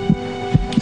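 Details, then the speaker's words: Dramatized scene: fetal heartbeat on ultrasound at about 10 weeks of pregnancy, heard as two quick whooshing pulses over a steady hum, described as loud. "me han dicho que se puede escuchar los latidos [Música] claro ahí [Música] se escucha bien fuerte"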